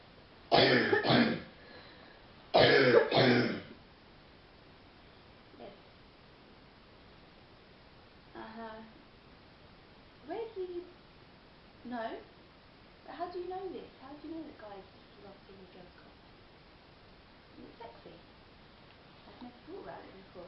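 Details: Young woman with a real, deep, chesty cough, worse at night lying down, throat sore: two loud bursts of deep, rough coughing and throat clearing during a phone call, then quiet, brief spoken fragments.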